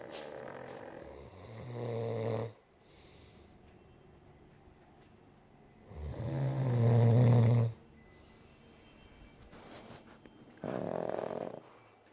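Deep, rumbling snores recur every few seconds over quiet breathing. Snoring.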